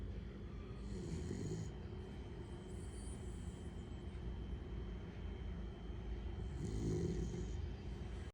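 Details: An animal named Bell snoring in its sleep: low, steady rumbling breaths with two louder, rasping snore cycles over a few seconds.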